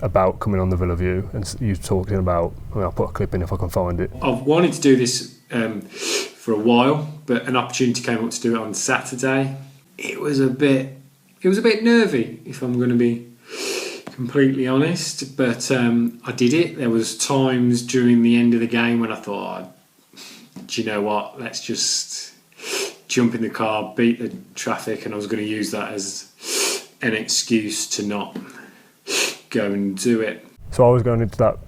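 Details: Adult man who stammers: stammering (stuttering).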